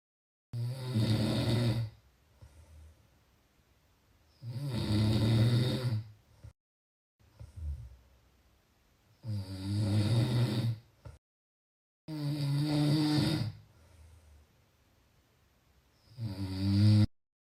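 Loud, low rattling snores repeat about every four seconds with quiet breaths out between them; snoring.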